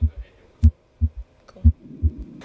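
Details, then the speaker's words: Simulated heart sounds, paired low thumps at roughly 120 per minute, from a cardiopulmonary assessment teaching mannequin used by nursing students to practise listening to heart and breath sounds. "this is Harvey our cardiopulmonary assessment mannequin students learned how to listen to heart sounds and breath sounds on this mannequin"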